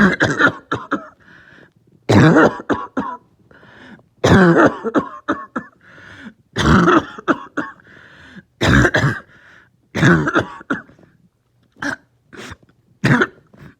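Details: Repeated bouts of harsh coughing with throat clearing, about seven bursts in fourteen seconds, from a person with a lingering cough that started the night before, along with a headache; a cough.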